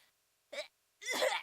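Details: A short indrawn breath followed by a sharp, explosive, voiced burst: a single sneeze.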